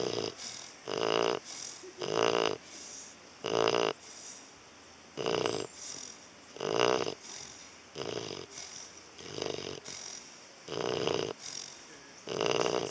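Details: Loud, throaty snoring on both inspiration and expiration, about 20 breaths a minute, in a dog.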